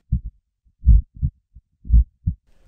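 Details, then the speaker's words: Deep muffled paired rhythmic thumps with a pulsing whoosh in time with the heartbeat, illustrating pulsatile tinnitus, hearing one's own heartbeat in the ears, possibly from narrowed or obstructed arteries near the ear. "so yes in a way Johnny is hearing his own heartbeat this condition experienced by 8 to 10% of people is called pulsatile ttis"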